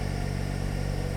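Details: Donated oxygen concentrator switched on and running in normal use, adjustable flow 0–10 LPM, producing about 95.5% oxygen; steady low motor hum with a fast, even rattle.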